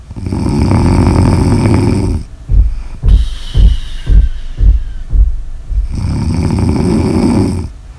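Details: Snoring in an ASMR sleep recording: loud, rumbling snores with snorting, fluttering breaths between them; typical heavy sleep snoring.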